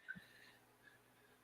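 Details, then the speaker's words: A brief, soft snort with a faint whistling tone from a dog near the microphone, then quiet room noise: a single snore. "Can you hear that there's a dog snoring near the camera, near the microphone?"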